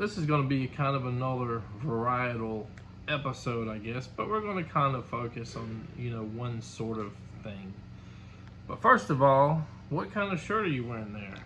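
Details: Adult man speaking; ordinary speech.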